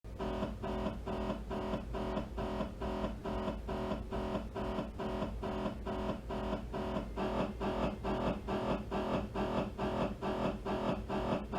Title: MRI T2 AXL MRI Sound